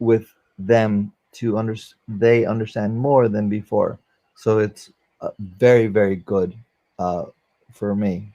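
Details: 44-year-old man, a former paramedic, with aphasia after a stroke during valve surgery; he cannot use one arm since the stroke; aphasia.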